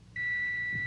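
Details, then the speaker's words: Dramatized TV scene of audiometric hearing testing of a musician with otosclerosis, about one-third hearing loss, wearing earphones: a steady clear pure beep starts abruptly and holds; audiometer test tone. "the tone forces each of them to work as hard as it possibly can forces them to reveal their strength or their weakness"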